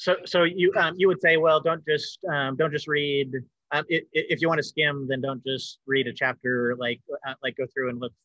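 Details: Adult male with self-reported cluttering, speaking in a conversational interview about the disorder; fast speech with repetitions and fillers; cluttering.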